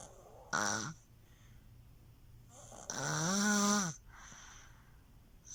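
A baby's short snore, then a longer high, whistling, tonal snore on the breath, with quiet pauses between; snoring.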